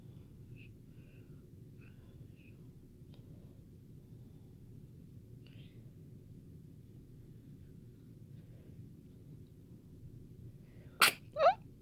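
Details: Newborn: after a long quiet stretch, a sharp little sneeze and a brief squeaky follow-on sound.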